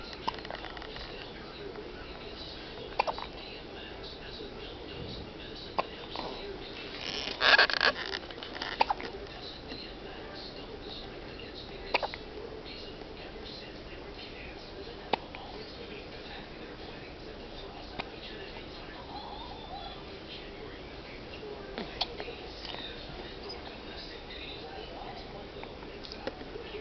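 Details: Newborn, just over a day old, has her first hiccups: soft, sudden hiccup sounds repeating every few seconds over quiet room noise.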